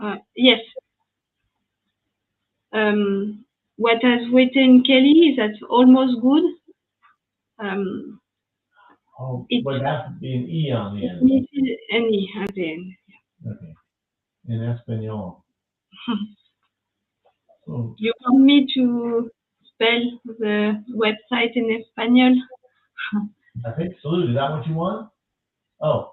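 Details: French woman with lasting language difficulty after an ischemic stroke at age 22 in July 2011, followed by 10 days of mutism and a year of rehabilitation; post-stroke aphasia.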